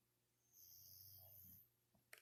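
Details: A sleeping dog giving a single low, rattling snore on an in-breath that ends with a brief noise; snoring.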